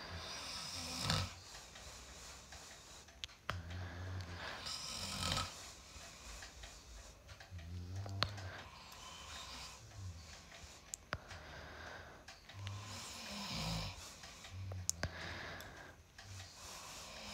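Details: Husband snoring: repeated low, rough snoring breaths with sharp clicks and room noise; ordinary snoring.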